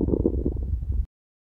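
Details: About a second of low, gurgling, rumbling stomach growling, then silence; ordinary bowel sounds (borborygmi).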